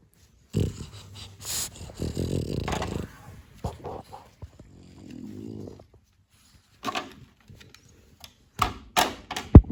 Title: MOE SNORES #dog #snoring #sleep #funny